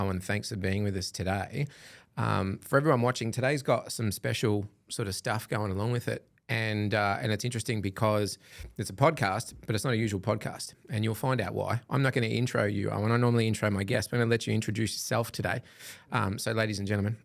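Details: Adult man speaking; typical speech.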